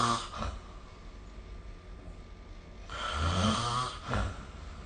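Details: Sleep snoring recorded with the SnoreLab app: low, rattling breath sounds, one long harsh inward snore with shorter snorts around it, over faint room noise.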